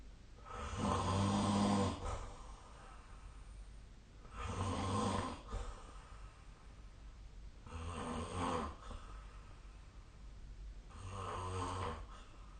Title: 🐽 本日のイビキ / Snoring Sleep Sound 2025/04/04